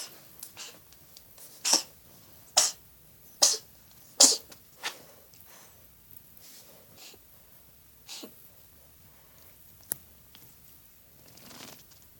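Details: Sick cat coughing: a run of four or five sharp, hissing, forceful expulsions in quick succession, then a few fainter ones.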